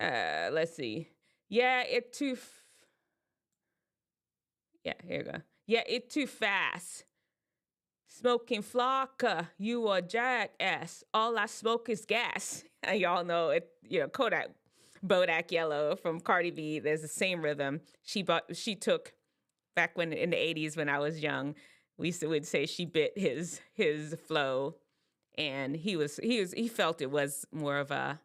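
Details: Adult speaker; normal speech.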